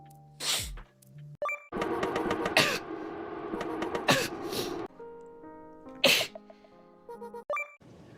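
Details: Sneezes from a VTuber livestream sneeze-highlight compilation: several sharp, explosive sneezes with a gasp before one, over background music and game sounds.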